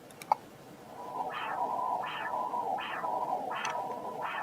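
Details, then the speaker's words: First-trimester preeclampsia screening, color-flow Doppler of the right uterine artery at the level of the internal cervical os, transverse approach, for pulsatility index: rhythmic whooshing pulses over a steady hiss, one per heartbeat; uterine artery Doppler signal. "You'll be able to visualize both uterine arteries at the level of the internal os. So this is the right artery and this is the left artery. Now we measure the right uterine artery."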